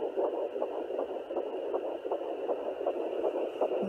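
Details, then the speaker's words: Rhythmic whooshing pulses over steady static, roughly 150 a minute, from the mother's own artery rather than the baby, on a Sonoline B 3 MHz home pocket fetal Doppler at 10 weeks 6 days of pregnancy. "because that's me you see I'm making this very very slight moves and it changes from me to be me"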